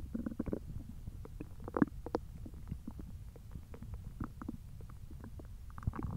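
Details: Hungry belly noises: low bubbling gurgles and rumbles from an empty stomach; ordinary hunger growling (borborygmi).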